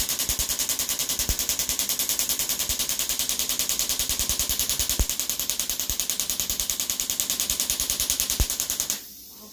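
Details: Shockwave therapy (EPAT) on a woman with painful bilateral Achilles tendonitis, about 1,400 of 2,500 pulses per side: rapid, steady popping pulses at about 200 a minute, stopping abruptly near the end.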